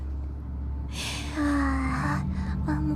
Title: Sneezes 57-59